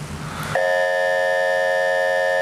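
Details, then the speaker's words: MRI echo-planar imaging (EPI) scanner noise, shown in a lecture, with the readout gradient chopped into blocks above the auditory fusion frequency: a rushing noise gives way to a steady, loud buzzing tone heard as one continuous hum. "And when these are beyond the auditory fusion frequency, it sounds like this."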